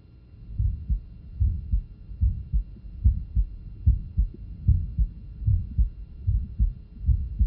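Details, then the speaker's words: Regular heartbeat about 74 a minute with a soft early systolic murmur at the lower left sternal border; an innocent murmur, common in athletes such as a football player, to be told apart from aortic stenosis or hypertrophic cardiomyopathy. "It is important to differentiate these from significant murmurs, such as those with aortic stenosis"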